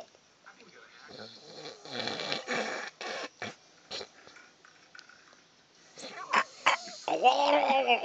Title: Hilarious snoring